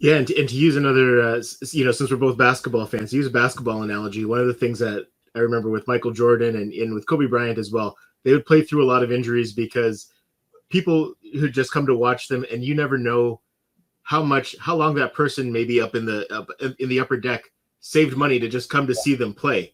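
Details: Adult man speaking; typical speech.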